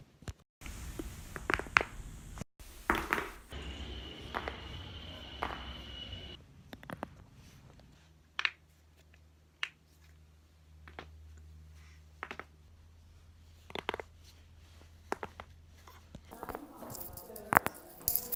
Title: 30 seconds of joint cracking